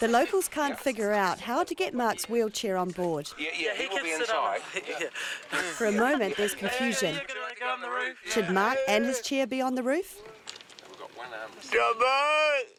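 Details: Adult narrator; normal speech.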